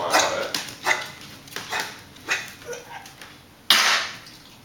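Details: Boxer puppy, 4.5 months old, coughing for 1–2 months, mostly on waking or while running; antibiotics, antacids and a natural cough suppressant have not helped. A run of short, harsh, dry hacking coughs ending in one louder burst.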